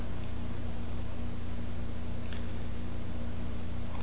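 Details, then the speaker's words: Withings Smart Blood Pressure Monitor arm cuff inflating automatically: a steady low motor hum of the pump running. The reading came out at 137/93. "it's automatic and you'll see it on the right hand side it shows you that the pump is operating cuz it's spinning and the battery level is below"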